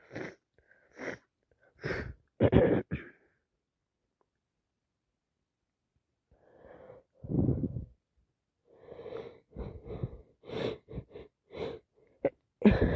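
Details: Adult sneezing from allergies plus a bad cold: repeated sneezes in quick runs, several with a rising 'ah' build-up before the burst, a short pause, then more sneezing, nonstop.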